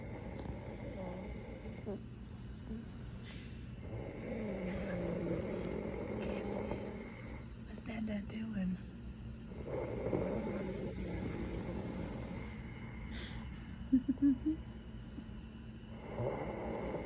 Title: Baby watching snoring daddy